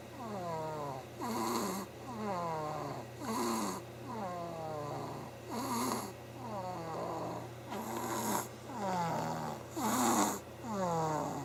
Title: Snoring Archer